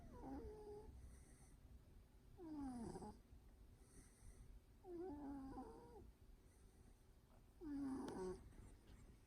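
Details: Snoring cat: soft, squeaky, whistling snores on each breath, about four in nine seconds, over faint background noise.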